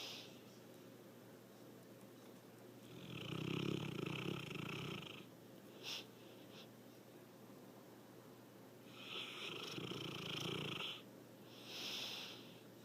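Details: Loud snoring during sleep that gets louder over the recording: slow, loud rasping breaths with a faint purring quality, two long cycles about six seconds apart.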